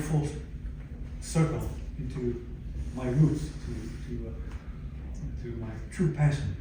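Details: Aphasia in a 62-year-old man, acquired after a stroke in December 2011 following cardiac ablation for arrhythmia; in speech therapy at an aphasia center.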